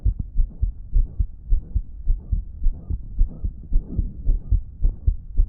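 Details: Person describing a damaged heart that was not pumping effectively, recorded a month earlier: rapid heartbeat near 110 a minute with a loud blowing, whooshing sound between beats; loud blowing heart murmur.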